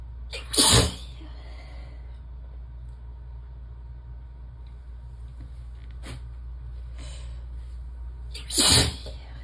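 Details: Two loud, open, uncovered sneezes several seconds apart with a soft in-breath between, over steady room hum; relaxed sneezing fit while warm and sleepy in the tub.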